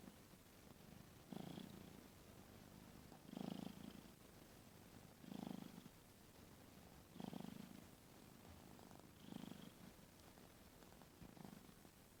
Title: cat snoring with open mouth